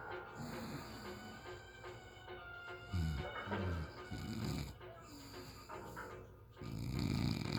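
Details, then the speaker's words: A man snoring in sleep while his partner cannot sleep: repeated low, rough snoring noises under background music. "expect me to sleep with this shit? Oh my goodness. This is what it sounds like when you fat."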